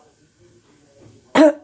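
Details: Adult woman with cough, cold and hoarse voice (throat infection noted), preparing turmeric milk as remedy: single short, harsh cough in a quiet room.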